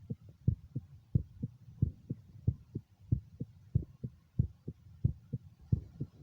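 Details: Own heartbeat heard with stethoscope at the mitral area during self echocardiogram: regular paired low thumps about 95 per minute, steady rhythm, no added sounds; normal heart sounds.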